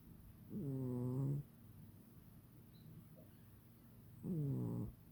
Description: This is on a quiet sleep day. lol He can snore amongst the best of us haha